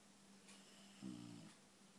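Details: Loud snoring from a sleeping dog: one brief, low buzzing snore over quiet room noise.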